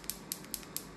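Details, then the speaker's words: Focused shockwave therapy (ESWT) from a Storz Medical focused device with a standoff for shallow treatment about 20 mm deep, as used on shin splints: regular, much slower sharp clicking at 6 Hz. "it's a much slower if you listen audibly so much slower clicking sound on six Hertz there"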